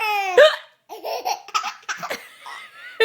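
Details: Mother hiccupping while her baby boy giggles at each hiccup: high child laughter broken by sudden sharp catches at start and end; hiccups.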